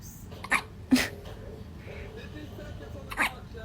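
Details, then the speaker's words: Newborn baby hiccups: three brief, abrupt catching sounds over a few seconds, with soft room noise between them. "had the hiccups? Yeah, do you had the hiccups?"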